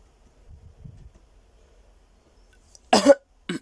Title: 15 minutes of silence occasionally broken up by frenzied coughing